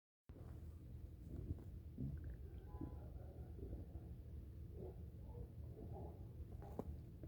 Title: Ambient stomach growling